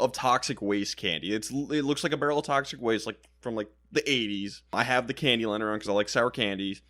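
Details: Adult male speaker; normal speech.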